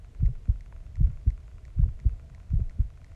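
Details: Steady paired lub-dub heartbeat at about 78 a minute with a faint hum behind, recorded after a shower; regular, normal heartbeat.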